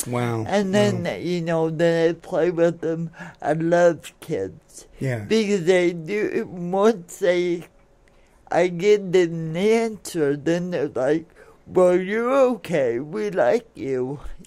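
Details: Adult woman born in 1959 with lifelong cerebral palsy, which she attributes to oxygen being cut off to her brain during delivery, affecting her speech and motor skills; some listeners have difficulty understanding her; dysarthria (cerebral palsy).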